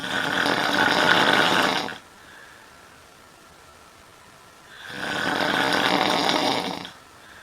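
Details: Woman sleeping in a hotel at night: two long, loud, harsh snores with a quiet pause between, about eight breaths a minute; heavy snoring.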